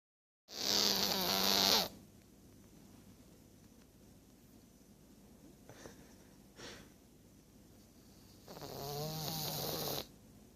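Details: Two hissing, rattly snores several seconds apart from a sleeping cat, with faint breathing sounds between them; cat snoring.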